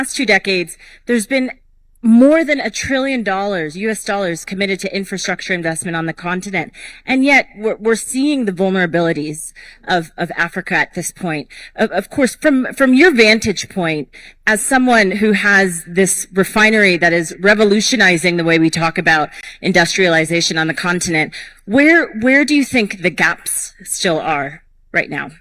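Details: Adult woman; normal voice.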